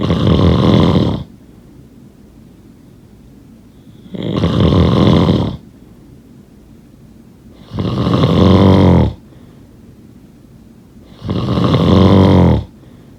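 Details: Loud, rough snoring on each breath, four snores at about 16 a minute with quiet breathing between.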